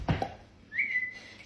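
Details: Self-described chronic whistler with Tourette syndrome, tics heightened after suppressing them: two quick vocal bursts then a short rising, sustained whistle, a whistling vocal tic.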